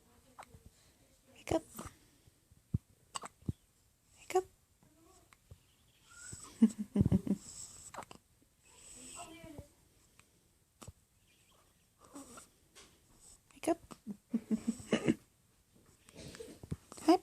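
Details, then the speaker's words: Infant girl with repeated hiccups, heard as sharp little catches in her breathing with soft baby sounds and a quiet adult voice; she also hiccupped often in the womb. "You had the hiccups all the time inside my belly. Now you have them all the time outside."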